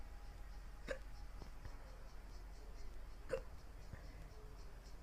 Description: So I got the hiccups again... yay